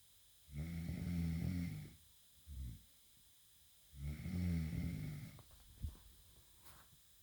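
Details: Snoring in an adult woman asleep in bed: two long, rumbling snores on inhaling, each followed by a short snort or breath out, in a quiet room.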